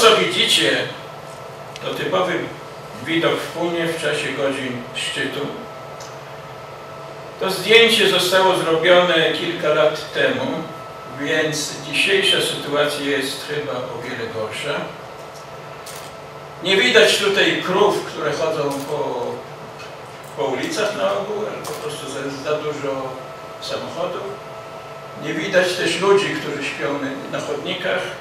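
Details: Adult man speaking Polish who has stuttered since childhood and still stutters despite many therapies, including an intensive fluency-shaping course; stuttering.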